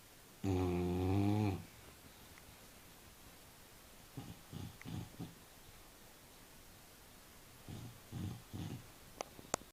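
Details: Bulldog snoring, recorded March 2012.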